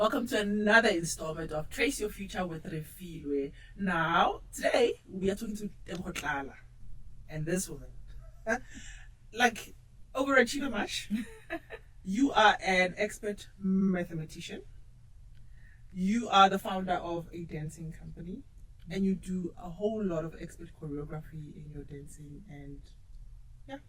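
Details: Adult woman; normal speech.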